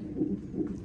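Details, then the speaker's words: Fetal heartbeat on a labour-ward Doppler monitor with contraction graph, mother in labour three days past due date (40+3 weeks): rapid whooshing pulses about 150 a minute, normal fetal heartbeat. "ఇది heart beat baby heart beat sound వస్తుంది కదా yeah ఈ sound baby heart beat ఇది contractions తెలిపే graph"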